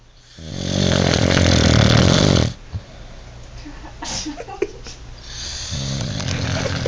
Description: snoring in Tomah, Wisconsin